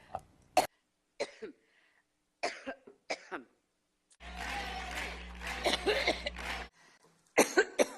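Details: Adult having a prolonged coughing fit, about a dozen harsh repeated bursts over eight seconds.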